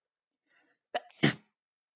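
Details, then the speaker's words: Person sneezing at a computer: a short indrawn breath, then an abrupt explosive burst that sounds partly like a cough and felt painful like a cough; a single sneeze. "Oppa, this sound like cough more than a sneeze. And it hurt like a cough."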